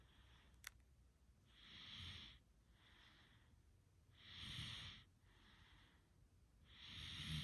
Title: Oddly satisfying Snoring sounds enjoy